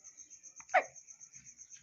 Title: Baby hiccups & laughing👶😄👶, looking very cute & adorable😊🤗😍😍